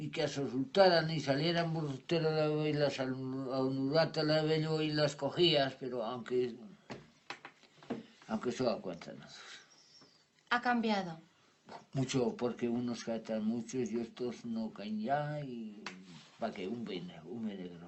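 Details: Man with Wernicke's aphasia after an ischemic stroke caused by an operation; fluent speech with words lacking real meaning and invented jargon. Finding: Wernicke's aphasia.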